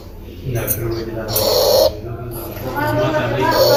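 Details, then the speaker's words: Child with acute laryngitis (croup): harsh crowing noise heard as he tries to breathe in, from a narrowed upper airway; inspiratory stridor. "in oh this is so hard to watch but yes we need to learn so I I think these videos were amazing we saw in thep when they are training to breathe in we will have this voice"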